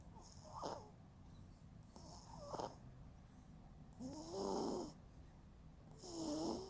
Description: This was the first time our little one started to snore while she slept and it was so cute we had to record it.